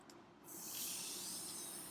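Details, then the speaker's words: Anaesthetic machine safety check following AAGBI 2012 guidance: a steady hiss rises and holds as the suction unit is switched on; normal suction running. "What you would like to do is to make sure the whole system is there, all clean and new, and you will turn on the suction."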